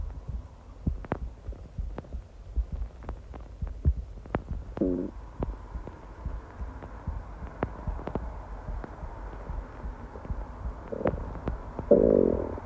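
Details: Constant stomach growls while at work: frequent soft clicks and gurgles with occasional longer rumbling growls over low background noise; ordinary active bowel sounds.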